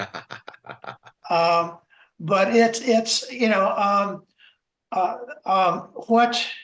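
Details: Adult man, a self-identified person who stutters, speaking in a webinar on stuttering at work; word repetitions and filler words are heard; stuttering.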